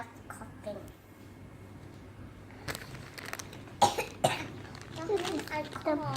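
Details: A 3-year-2-month-old child pretending to cough gives two short, sharp voluntary coughs in a small room, with brief voice sounds after.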